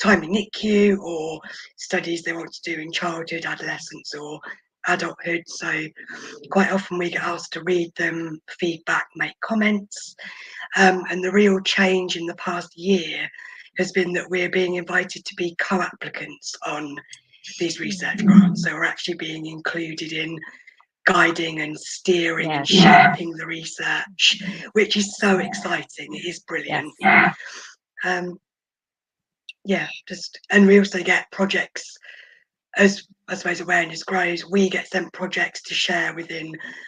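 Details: Adult woman born prematurely who spent about 5 months in the NICU, mostly on a ventilator with oxygen; she has vocal cord paralysis caused by the ventilation; vocal cord paralysis.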